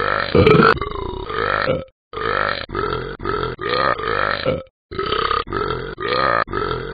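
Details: Simulated burping from the Talking Ben the Dog cartoon app: a string of long, loud, drawn-out belches with short pauses between them.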